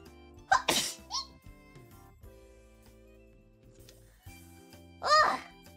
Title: Sneeze 【❤ Idol-EN】